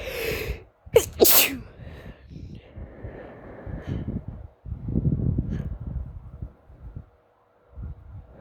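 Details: Sneezing: two quick sneezes close together near the start, then sniffing and rustling noise in the background.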